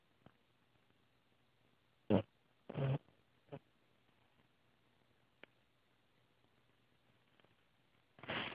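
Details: Snoring from a sleeping pet dog: a few short, rough snorting breaths with a faint low hum in a quiet room.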